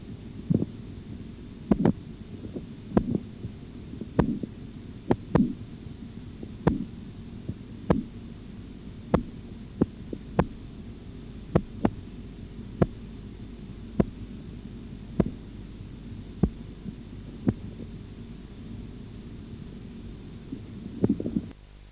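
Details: Auscultatory blood pressure measurement tutorial: regular sharp tapping sounds about 50 a minute over a low hum, then fading away; Korotkoff sounds.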